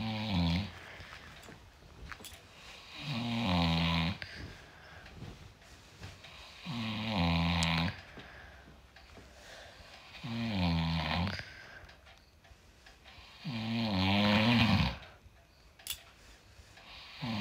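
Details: A husband snoring: loud rattling snores on each breath in, about one every four seconds, with quiet breathing out between, like ordinary adult snoring.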